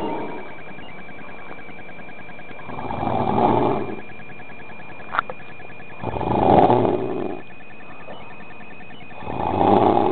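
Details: Adult man (a friend) snoring in his sleep, recorded April 2007: soft, low snoring breaths about every three seconds, roughly 19 per minute, over a steady background hum; ordinary snoring.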